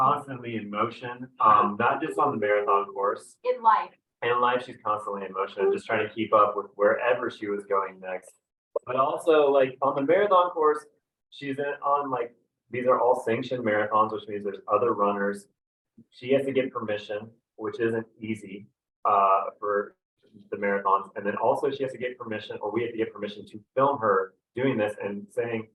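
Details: Adult male speaker; normal speech.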